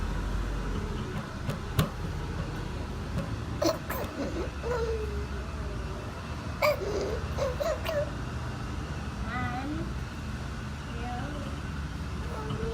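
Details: A 9-month-old infant with croup (fever peaking at 102.1°F, illness lasting five days) gives short, harsh barking cough bursts with a hoarse, raspy voice.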